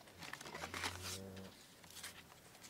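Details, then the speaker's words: Dog snoring while lying under a person's feet, other pets nearby, faintly heard during speech; ordinary snoring. "I don't know if you can hear the snoring but that is Bruno snoring under my feet and I've got the girls in my belly again so they're here up here with me"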